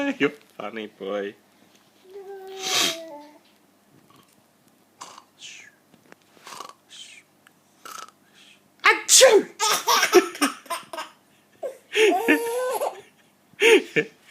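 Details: Adult imitating sneezes (repeated "achoo") for a 4-month-old baby: loud, sharp sneeze-like bursts, each followed by infant laughter and squeals.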